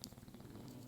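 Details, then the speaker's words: Bulldogs, indoor pets, snoring in the background while their owner talks; snoring. "so they're bulldogs but um that is why you hear them snoring and etc in the background they're just very loving and"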